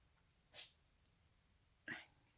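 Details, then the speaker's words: Two quick, sharp, hissing sneezes from a cat in a quiet room; cat sneezing. "you can hear the cat sneezing so yeah so I'm going to move that now"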